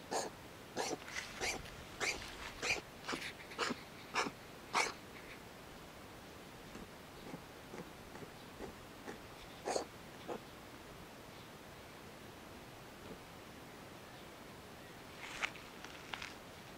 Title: Cat sneezes - Funny Cats Animals Video